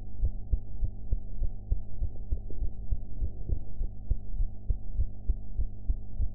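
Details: Own heartbeat recorded after eating, audio enhanced: low regular thumps at about 100 beats a minute over a steady low hum; normal heart sounds.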